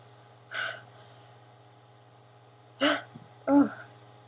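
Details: Person with allergies, repeatedly sneezing with burning, itchy eyes: three short, sudden catches of breath with small voiced yelps, irregularly spaced, in a quiet room with faint hum, fitting hiccups.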